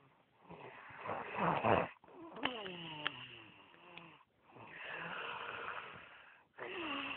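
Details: Man snoring at Oban: repeated rough, fluttering snores with whistling, squeaky tones on some breaths, about three breaths in seven seconds.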